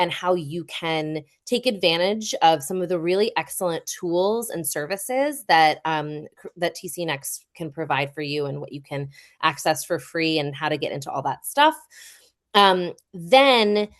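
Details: Adult woman speaking; normal speech.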